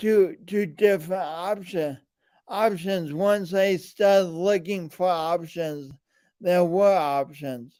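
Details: Man with a speech impediment and coordination differences present since birth, still ongoing; speech impediment (dysfluency).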